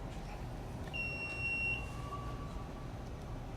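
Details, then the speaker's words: Training AED switched on during a laboratory accident response drill, chest compressions ongoing on a simulated patient: two-tone electronic power-on beep over steady room noise before voice prompts; AED power-on tone. "자, 전원을 켜봅니다. 얘가 어떤 말 하는지 잘 들어보세요."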